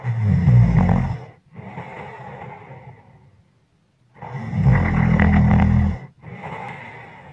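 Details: Snoring: loud, low rattling snores on each breath in, each followed by a softer breath out, about two cycles heard.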